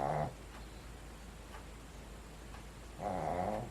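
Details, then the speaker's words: Snoring from a sleeping 13-year-old Shih Tzu: loud, buzzing snores, two breaths about three seconds apart over quiet room hum; her snoring wakes the owners at night. "well you can probably hear her in the background yeah that would be miss Odie she's our 13 year old Shih Tzu she snores like a lumberjack"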